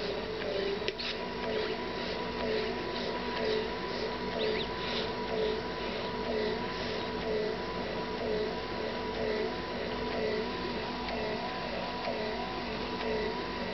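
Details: Medela Personal Double electric breast pump: steady motor hum with a rhythmic suction cycle about once a second.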